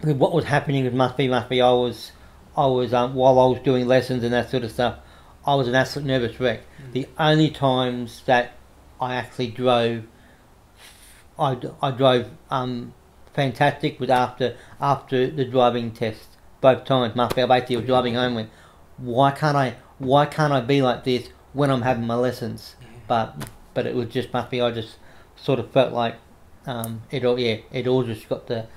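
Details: Adult man with cerebral palsy since infancy affecting right arm and leg, who reports a stutter he tries to control by calming down; stuttering.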